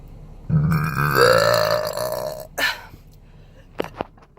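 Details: Natural closed- and open-mouth burps while drinking diet Sprite and eating chips in a Jeep: one long, loud, drawn-out open-mouth burp, then a short second burp and faint clicks; belching.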